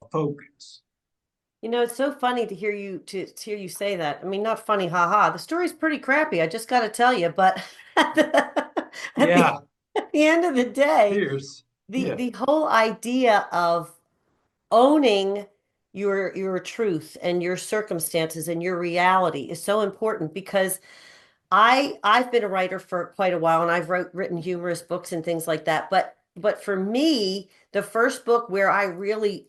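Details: 45-year-old man with cerebral atrophy and ataxia, a degenerative brain disease diagnosed in 2013 or 2014 affecting movement, balance and speech; speech changes began around 2020 as the disease progressed; ataxic dysarthria.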